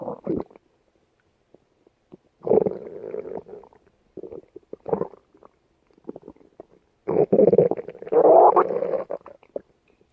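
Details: Irregular gurgling, rumbling bursts of varying length with quiet gaps between; stomach growling (borborygmi).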